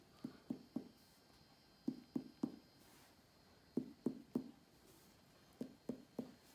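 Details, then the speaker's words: Abdominal percussion in quadrants during a physical assessment, patient's abdominal muscles relaxed: groups of three hollow taps giving a normal tympanic note from air-filled bowel; no dullness over the spleen area, so no splenomegaly suggested. "these are normal bowel percussion sounds when you're not contracting your muscles, because it's air."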